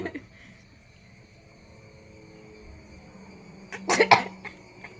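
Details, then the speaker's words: An adult coughing instead of sneezing during a sneezing challenge: a quiet stretch ends in a short burst of two or three harsh coughs. "ഇത് ചുമയാണ്"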